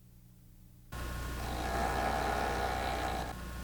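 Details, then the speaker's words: Steady machine hum, then a loud, wavering honk as air leaks during expiration through an open-position tracheostomy speaking valve tested on a simulator. "However, when an open position valve is tested, a loud honking can be observed. Historically, extraneous noise has been a problem with open position valves."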